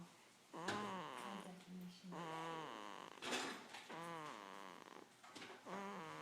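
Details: Sleeping dog making repeated tonal, whiny snoring noises with rising and falling pitch; snoring.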